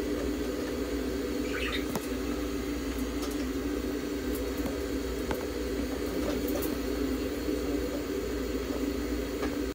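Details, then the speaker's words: Budgerigar under veterinary treatment in an ICU incubator giving warmed, humidified oxygen therapy: a steady low mechanical hum with faint bubbling and occasional drips. "ICU 内で放送する療法を行っています。"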